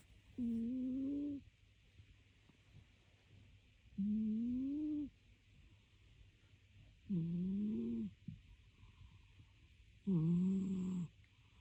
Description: Snoring cat